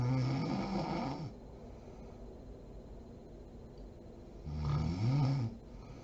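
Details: Mother snoring while asleep: two loud, rough, vibrating snores on the in-breath with a quiet pause between; ordinary snoring.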